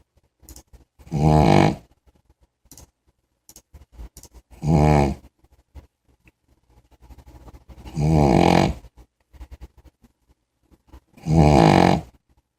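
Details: Snoring in a sleeping big puppy: loud, rattling snores about every 3.5 seconds, roughly 18 a minute, with quiet pauses between.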